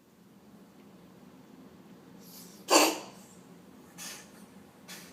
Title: Coughing cat